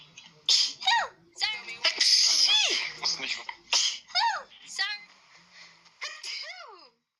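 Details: A rapid run of hissing, explosive sneezes, about a dozen in seven seconds, with squeaky voiced tails, from a sneeze compilation; repeated sneezing.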